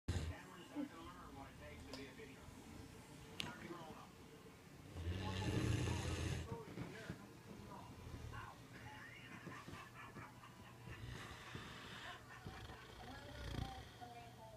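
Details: One low, rumbling snore over steady room noise with fainter noisy breaths, from a sleeper worn out after a full day of puppy play; snoring.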